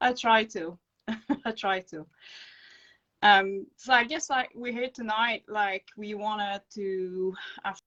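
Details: Adult woman with acquired brain injury from encephalitis and an anaesthetic-related injury; non-fluent aphasia, with slow, broken speech and dropped words when fatigued.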